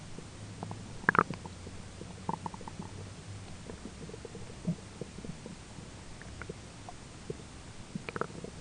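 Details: Person's own stomach grumbling during digestion: soft gurgles and low rumbling pops in short bursts with quiet stretches (normal bowel sounds, borborygmi), with a roommate talking in the background.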